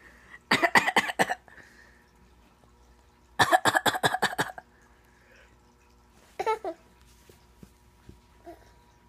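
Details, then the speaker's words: Dog on a couch, reportedly on medicine and said to be cold, gives two runs of rapid hacking coughs and then a short cough-like sound, with faint room noise; dog cough. "Doggy coughing. What's the doggy doing?"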